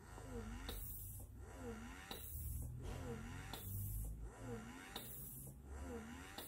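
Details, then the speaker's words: Doopser 8010 wearable breast pump motor in expression mode at its highest level, reading about 40 dB on a sound meter: quiet, rhythmic motor whirring in repeated suction cycles with a low hum. "hanggang 40 something lang din so hindi siya ganon Kaingay compare sa iba na wearables"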